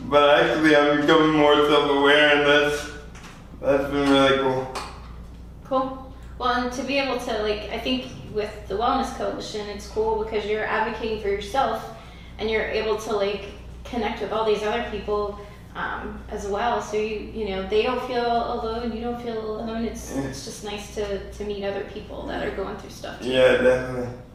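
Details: Adult woman speaking in an interview; ordinary speech.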